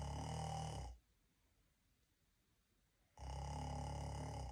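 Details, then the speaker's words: Laotian person deliberately imitating snoring, not real sleep: two long, loud, buzzing snores separated by a quiet pause of about two seconds. "This is how I snore as a Laotian. Asians usually snore like this. Even like this!"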